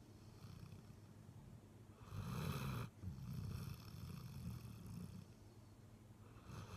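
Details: Labrador dog snoring on the couch after a morning walk: low, rumbling, fluttering snores with one louder snorting breath against a noisy background.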